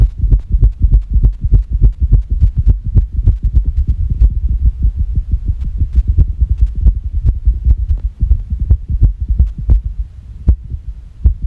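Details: Irregular heartbeat recorded after a shock, after which the person reports the heart stopped for 9 seconds: rapid, uneven, low heart thumps with irregular spacing.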